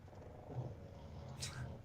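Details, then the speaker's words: Snoring: dueling snores from two pugs, one on a lap and one in a bed under a desk, heard as a gentle hum. "do you hear the dueling pug snores"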